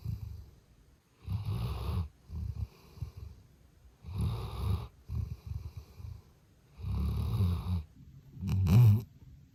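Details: Loud, deep, rattling snores on each in-breath, about four breaths in ten seconds, with quieter snorting breaths between, from a Labrador Retriever sleeping on an electric blanket hugging a toy: snoring.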